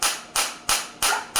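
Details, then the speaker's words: Focused (not radial) shockwave therapy device, up to 7 cm depth, firing sharp loud cracking pulses about three a second; intensity raised to 10 auto-lowers frequency from 180 to 150; demonstrated on an uninjured user who feels deep penetration. "10, आपने देखा जैसे 10 किया वो 150 पे आ गया। तो उसने अपने आप को अकॉर्डिंगली एडजस्ट करके मेरे को मैक्सिमम, मेरे को इस टाइम पे इतना अच्छा आउटपुट फील हो रहा है कि मैं काफ़ी देर तक उसको नहीं फील कर सकता, क्योंकि मेरे को इंजरी नहीं है और बिल्कुल अंदर तक मेरे को पेनिट्रेशन हो रही है, मेरे को फील हो रहा है।"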